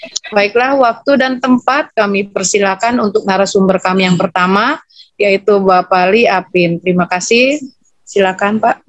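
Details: Adult woman speaking Indonesian; normal speech.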